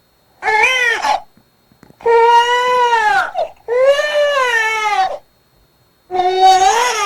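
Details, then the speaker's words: Newborn hunger cry: four rhythmic bursts with 'eung-ae', 'eum-ne' and 'neh'-like sounds, with lip-smacking mouth movements. "자세히 보시면 응애 소리도 나고음 내 소리도 나고네 하고 울면서 아까 졸릴 때 우리가 처음 봤던 영상에 비하면 훨씬 입모양이 좀 다르게 보이죠"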